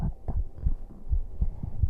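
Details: A man's own heartbeat, played on a livestream while he lies down to sleep: steady, low paired thumps at about 90 per minute with nothing extra between beats; normal heart sounds.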